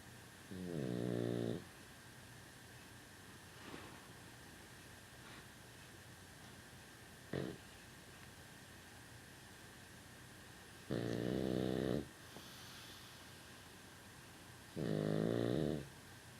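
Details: Female dog snoring loudly: three rough, voiced snores at irregular intervals over about 16 seconds, quiet breathing between, in a small quiet room.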